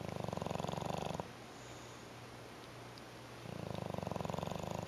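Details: Snoring from a sleeper said to do this 18 hours a day: a rhythmic buzzing snore lasting about a second, a quiet gap, then the rumbling snore returns on the next breath.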